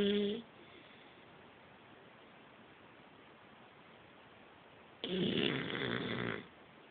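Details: Sleeping beagle: snorting, vibrating breath after a long quiet gap, tail of another at the start; snoring.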